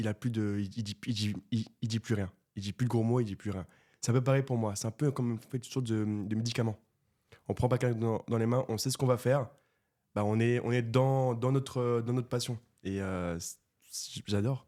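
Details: Stuttering in a 24-year-old man who has stuttered since birth; it was severe in childhood and treated with speech therapy, and he now stutters mainly under stress and only a little in this conversation.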